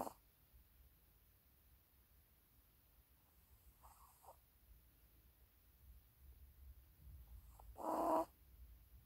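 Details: Maltese puppy snoring; dog snoring sound.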